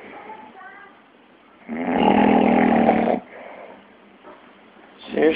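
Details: Man snoring: a loud, rattling, vibrating snore lasting over a second, with softer breathing before and after.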